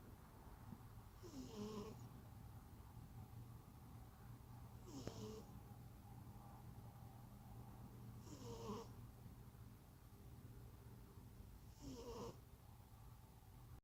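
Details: Snoring: soft rhythmic snorting snores about every 3.5 seconds, roughly 17 breaths a minute, over a low steady room hum.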